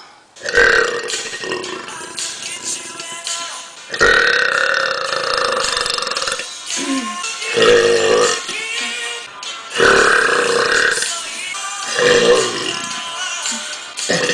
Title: burping compilation